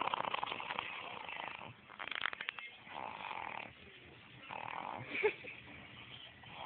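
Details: Loud snoring from a person: rough, rattling breaths with a harsh fluttering vibration on inspiration, fading between breaths.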